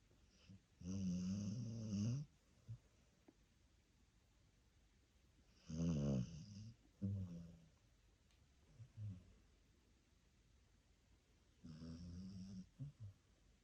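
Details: Dachshund snoring on the sofa: three loud, low, vibrating snores, each a second or more long and several seconds apart, with softer snorts between, in a quiet room.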